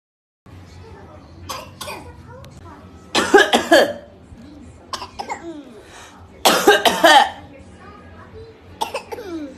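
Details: Two loud bursts of repeated harsh coughing from a young child imitating an older sibling's cough, with softer vocal sounds between.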